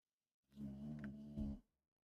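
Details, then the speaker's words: An 11-year-old boxer dog asleep in the room gives a single low, rumbling snore lasting just over a second. "oh the snoring that's my dog uh I have my two my two dogs here in the room one of them is five months old the other one is 11 years old you could hear that snoring that's crazy yeah she's a 11 year old boxer"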